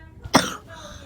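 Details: Child who had been sick with a very sore throat: a single short, sharp cough fading within a fraction of a second; cough.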